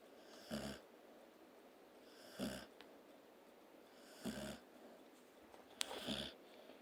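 Four soft, rattling snores spaced about two seconds apart in a quiet room; an animal snoring in sleep.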